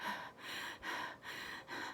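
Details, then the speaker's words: Woman with COVID-19 on about day two, imitating her own breathing: quick, noisy, shallow breaths in rapid succession, laboured breathing from shortness of breath. "and I was going oh my gosh I'm getting shortness of breath I'm supposed to go in now"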